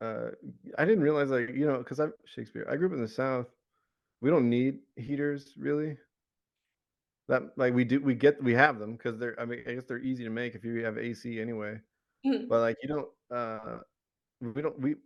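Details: Adult man with Tourette syndrome; recurring vocal tic of the word "Shakespeare" interjected into ordinary speech, plus other word tics and shouting tics; vocal tic.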